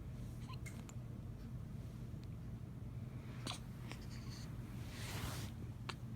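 Several brief, sharp clicks at uneven intervals over a steady low room hum, fitting hiccups.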